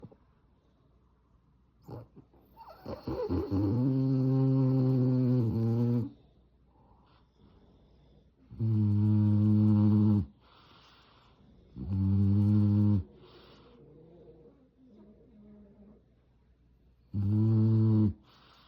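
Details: Sleeping, dreaming French Bulldog giving four loud, buzzing snores, each one to three seconds long, with quiet pauses and faint soft whimpers between; snoring.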